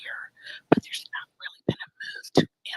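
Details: Whispered speech (aphonia) from laryngitis in an adult woman who can only whisper.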